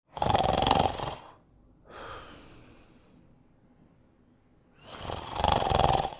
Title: Burp Sleeping and Snoring